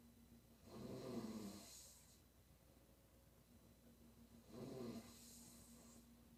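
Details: Female snoring during sleep: two rough snoring breaths about four seconds apart, each with a hissing outbreath.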